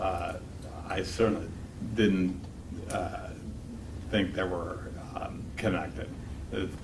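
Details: 52-year-old man with multiple system atrophy, cerebellar type; slurred speech began about two years earlier along with ataxia, and he walks with a cane. Clinician calls it classic ataxic speech: ataxic dysarthria.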